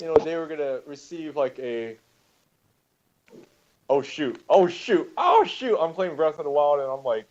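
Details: Adult male speaker; Normal conversational speech.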